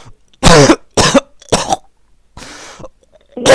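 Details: Acted, fake cough: five forceful, deliberately performed coughs in quick succession, some with a throat-clearing quality, from a caller complaining of a sore, burning throat during a prank call.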